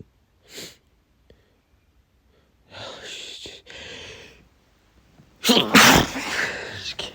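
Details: Sniffs, snorts and gasping breaths building to a loud, explosive sneeze from a man with allergy sneezing he blames on pollen, with a burning nose, in a sneezing fit that is hard to stop.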